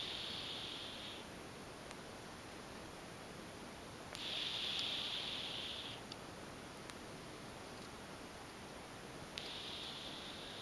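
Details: Sleeping adult female tuxedo cat, a former stray who has had a litter of four kittens: slow, soft hissing breaths a few seconds apart; heavy breathing during sleep.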